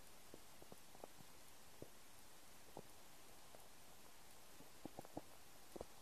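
Quiet, scattered gurgles and pops against a low steady hiss: bowel sounds from an empty stomach, an ordinary finding.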